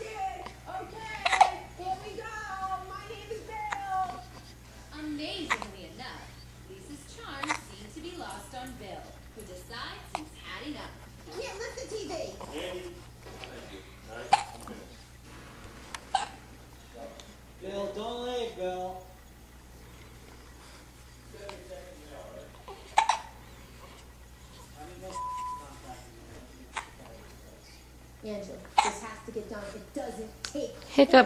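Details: 11-day-old newborn with hiccups: small fussy coos and grunts broken by sudden sharp hiccup clicks at irregular intervals.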